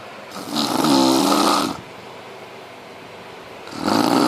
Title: 17 december 2013 papa snoring